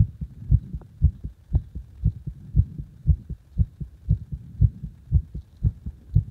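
Strong, regular low heart thumps at roughly 115 beats a minute; a forceful, fast heartbeat.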